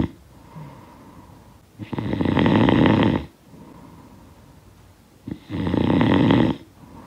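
Loud, rattling snores on each breath in, about two in seven seconds, with quiet breathing out between, from a sound-effect recording.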